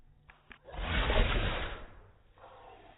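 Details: A single drawn-out burst of breath with a slowed, deepened tone: a sneeze played in slow motion.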